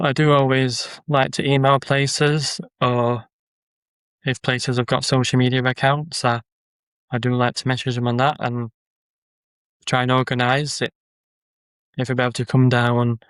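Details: Man with a stammer; stuttering.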